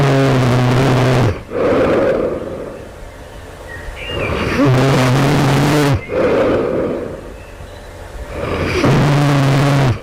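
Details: Loud, rough rattling snores on each in-breath, about 14 a minute, with quieter breathing between, recorded overnight just before waking; the snorer wonders if this is sleep apnea.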